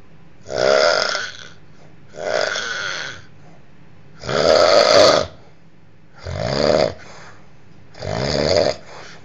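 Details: Rhythmic snoring, likened to a mad cow: five rough, buzzing breaths at steady intervals, about fifteen a minute, with quiet between them.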